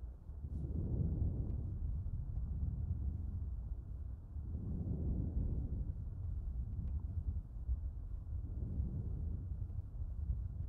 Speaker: ahora escuchen el tronco vesicular